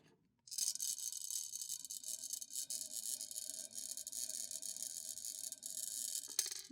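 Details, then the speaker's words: Quick inhalation through a handheld incentive spirometer by an adult demonstrating it, heard as a sustained high-pitched airy hiss and rattle from the device. "Let me just give this a quick little breathe. I'm inhaling."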